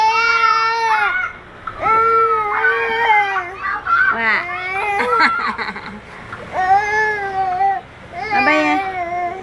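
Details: 8-month-old baby boy with suspected separation anxiety crying when his mother jokingly leaves the room: loud, tonal infant crying in several bursts with brief pauses for breath.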